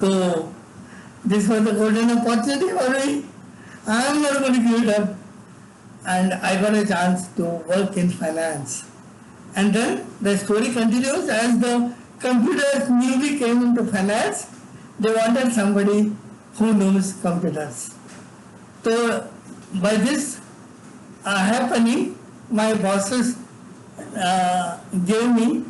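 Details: Adult man with severe cerebral palsy from birth, involuntary tremors throughout his body, unable to walk or talk until age eight: dysarthria in cerebral palsy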